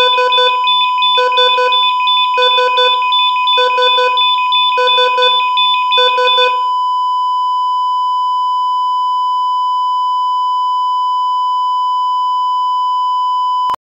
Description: Heart monitor steady, then slows down and stops, alarms for loss of vitals.